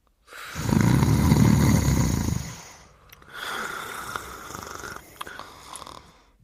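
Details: Character and her dog sleeping and snoring together, from a 1991 VHS children's programme, not a real recording: a deep rattling inhaled snore, then a softer wheezy breath out, with faint room noise.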